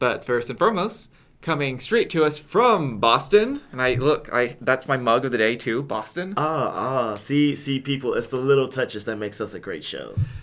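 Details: Adult male speaker; ordinary speech.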